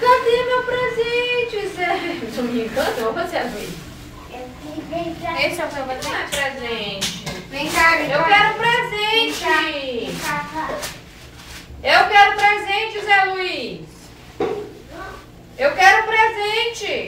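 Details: Adult talking with a young child; typical adult speech.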